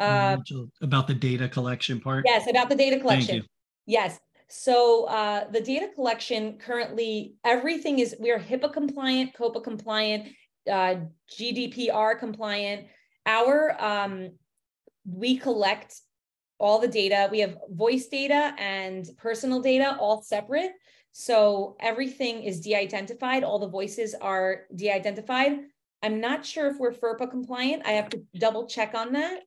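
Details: Adult woman speaking; typical speech.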